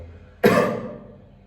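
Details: Single loud, deliberate cough over faint room noise, faked as a prank on food.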